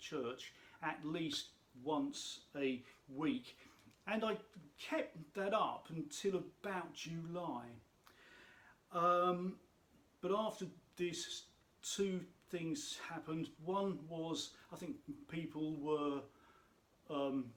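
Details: Adult speaker who states he has a stammer; stuttering.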